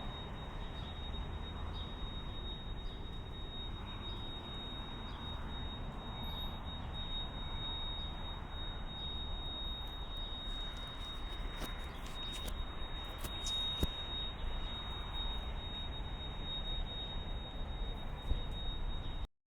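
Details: Binaurally recorded tinnitus simulation for headphones: a steady, thin high-pitched tone rings continuously over low rumbling background noise.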